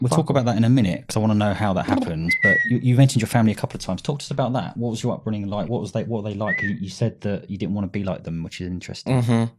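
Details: Adult male speaker; normal speech.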